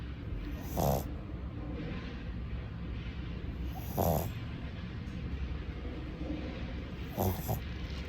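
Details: Female Shih Tzu puppy, 2–5 months old, asleep: three loud, rough snoring breaths about three seconds apart, roughly 19 a minute, over steady low room noise; snoring.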